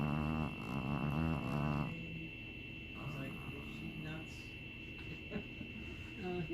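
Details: A sleeping, possibly dreaming dog gives one rough, rumbling snore that sounds almost like a growl, followed by quieter breathing against a steady high background hum.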